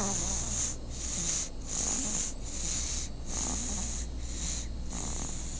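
Rhythmic, rough, hissing breath noises repeat in quick cycles over steady low hum, consistent with snoring.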